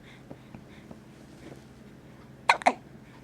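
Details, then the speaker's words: Infant hiccups: soft quiet breathing, then two sharp, abrupt catches in quick succession. "Feel better? No? Still got the hiccups."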